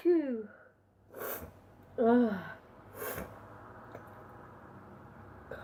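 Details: Two sneezes, each preceded by a rising vocal "ah" intake, over faint room hum; ordinary sneezing from a sneezing compilation.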